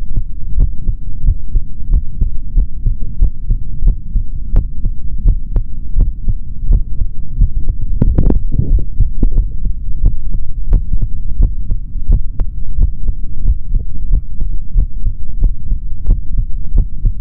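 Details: Male body sounds recorded through a stethoscope for ASMR, no talking: steady, repeated heartbeat thumps under a heavy low rumble; heartbeat.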